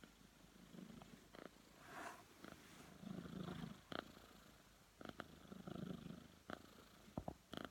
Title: Cat snoring